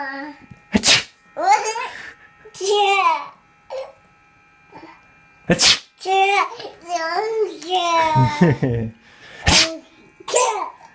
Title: Sneezing